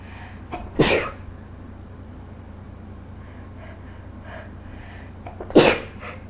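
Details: A prolonged bout of repeated sneezing, part of four minutes of continuous sneezing: two forceful sneezes a few seconds apart over steady room hum.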